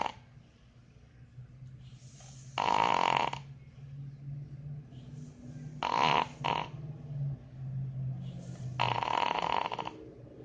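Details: Dog snoring in sleep: three rasping snorts about three seconds apart over a steady low rumbling hum.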